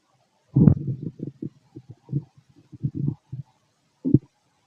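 Irregular low gurgling and rumbling bursts with short gaps between them: ordinary bowel sounds of digestion.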